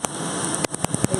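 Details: Q-switched laser tattoo removal on a woman's buttocks, about a 30-second pass producing frosting; she has had laser removal before on another tattoo: sharp snapping pulses over a steady hiss of cooling air.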